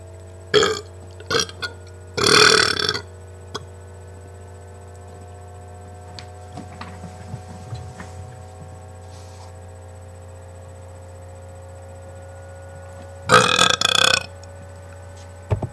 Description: me burping. far from my best